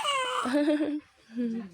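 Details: 51-day-old baby: short bursts of fussy crying with a clear, rising and falling wail, then a brief pause and another cry.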